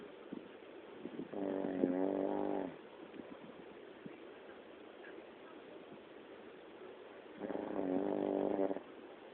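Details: Adult woman (wife) snoring: two buzzing, fluttery snores on the in-breath, several seconds apart, over steady room hiss; snoring.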